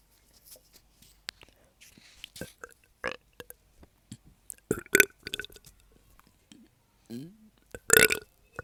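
Several deep belches, with soft clicks and breathy sounds between them: burping.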